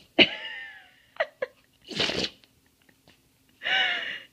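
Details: Papillon mix dog sneezing a lot, owner asking if he has allergies: several short snorting sneezes with brief nasal snuffs between them.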